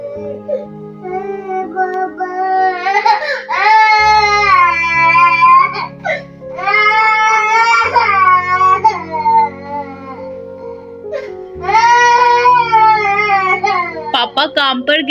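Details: Baby boy crying after his father left, in long wailing bursts with breaths between, over steady background music.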